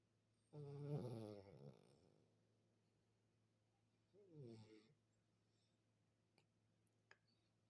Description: She is always so sleepy. This time she is Snoring like crazy.